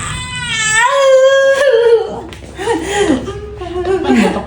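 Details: Newborn just after a normal vaginal delivery gives a high, strong wailing cry, with voices and room noise around it.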